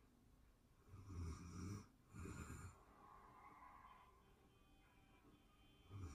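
Soft, low rattling snores on the in-breath with quiet gaps between them. Gentle snoring during sleep.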